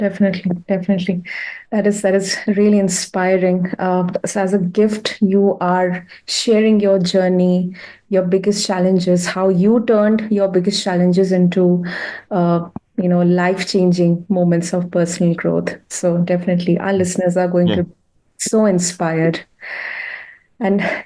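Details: Adult speaker, interviewer; ordinary conversational speech.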